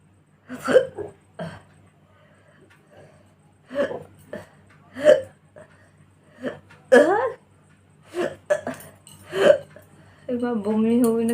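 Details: Hiccup challenge clip: about nine short voiced hics at irregular intervals, followed by laughter. Hiccups, repeated involuntary catches of breath.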